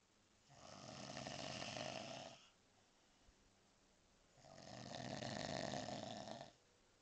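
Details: Loud snoring in sleep from a visitor who always falls asleep: two long, rough, rattling breath sounds separated by a quiet pause.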